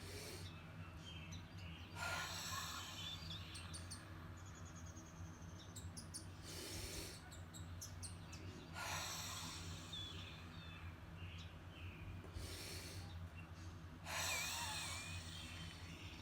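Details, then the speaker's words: A person from the cystic fibrosis community demonstrates the huff cough airway-clearance technique. Slow, deep breaths in and out with pauses, as she feels congestion starting to move before a spontaneous cough. "I'm starting to feel a little movement of congestion, so this time is probably going to cause the spontaneous cough."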